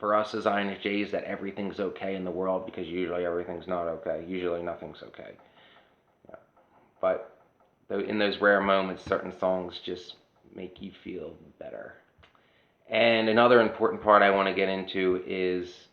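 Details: adult woman whose voice changed after laryngitis in 2009, unable to sing for over a decade; dysphonia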